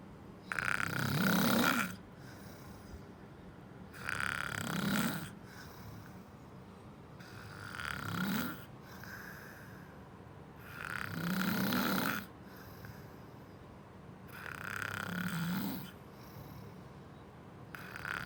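Five loud rattling snores on inhalation with quieter breaths between, about 18 breaths a minute; ordinary snoring.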